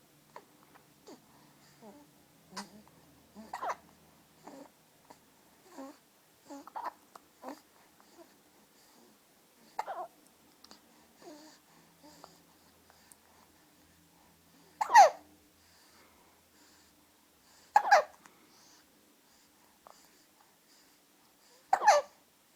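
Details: 9-week-old infant with hiccups when very tired and sleepy; soft fussing sounds and a few sharp, abrupt hiccup bursts spaced several seconds apart.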